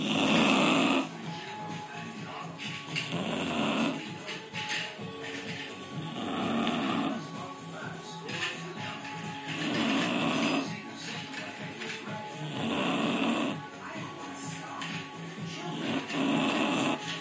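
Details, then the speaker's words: Bulldog snoring loudly and rhythmically while asleep, about 19 breaths a minute, with music in the background; dog snoring. "The doggy's snoring. Beexie snoring. She's so loud. She's so loud."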